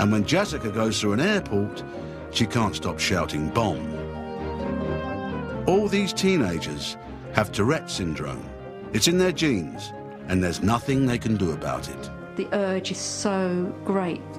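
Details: Adult male narrator; normal speech.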